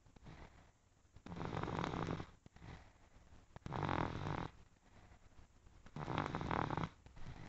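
Loud, rough, fluttering snores with each breath, about three in seven seconds, with quiet gaps between them.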